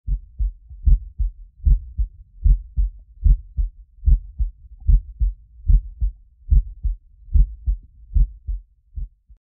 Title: Heart Beating